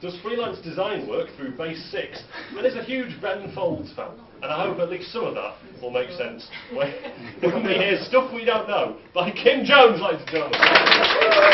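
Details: Adult speaker in a room; normal voice.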